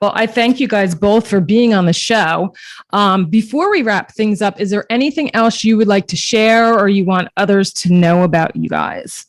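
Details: Adult woman speaking; ordinary speech.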